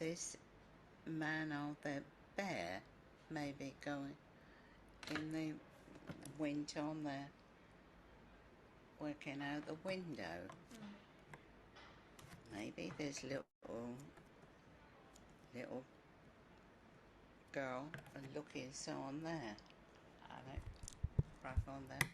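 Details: Female patient with agrammatic primary progressive aphasia describing a picture; short agrammatic sentences with many fillers, articulation fairly preserved, agrammatism without an apraxic non-fluent component; agrammatic primary progressive aphasia.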